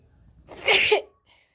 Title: Wide Nose Sneezes Africa.